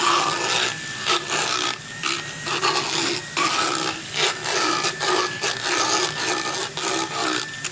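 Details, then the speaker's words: Horse about 10–12 years old, power float filing back molars with a ramp on the last molar; horse biting the handpiece head, stalling it: harsh continuous rasping and grinding with a faint high whine. "Try and open him just a little bit more because he's biting on the head of my handpiece, stopping it from working."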